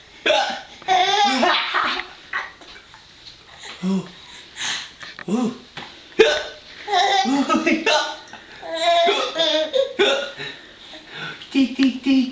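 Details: Child with hiccups, amused by his father hiccupping back: short, abrupt hiccup sounds recur between the child's laughter and adult talk.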